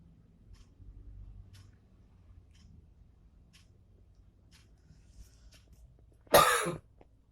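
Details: Single short, harsh cough in a quiet room, an unintended cough during a photo-editing tutorial.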